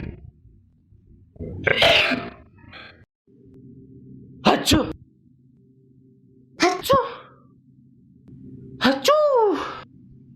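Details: Four separate ordinary sneezes, each a sharp voiced burst after a quick intake, over a faint steady hum; sound-effect recording.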